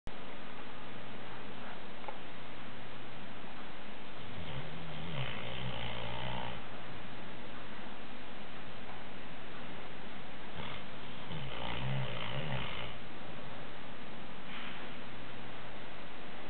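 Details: A sleeping Landseer dog snores in slow, rumbling bursts with quieter breathing between them; snoring.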